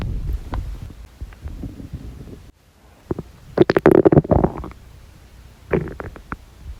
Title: Stomach noises !!~ (( gurgles, churns, groans, movements, etc •